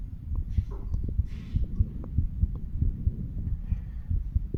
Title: 35 Year Old Male Doing a Chest Auscultation. HeartBeat Recording of All The Heart Valves.